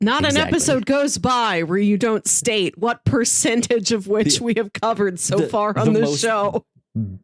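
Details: Adult speaker; typical speech.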